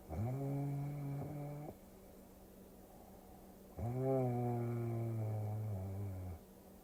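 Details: Snoring sounds mixed with a Tokyo cruising scene for relaxing ASMR: two long, tonal, rumbling snores with wavering pitch over a steady low engine-like hum; snoring.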